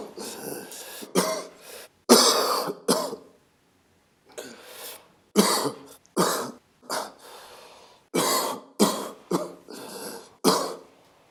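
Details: Repeated harsh coughs and throat clearing in irregular bursts, about a dozen over eleven seconds; coughing.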